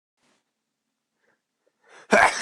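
Faint quick inhale, then one sharp explosive burst: a single sneeze.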